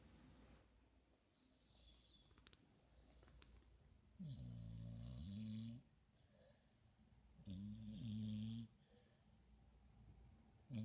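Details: Pit bull sleeping on a couch with eyes open and tongue out; two long, rumbling in-breath snores separated by quiet pauses, faint room noise; snoring.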